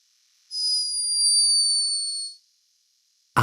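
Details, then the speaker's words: Sleeping hummingbird recorded by a scientist in Peru: a thin, steady, very high-pitched whistling snore lasting about two seconds. "high-pitched but unmistakable snore hummingbirds are loved for their beauty and speed but this one was behaving a little bit like a human"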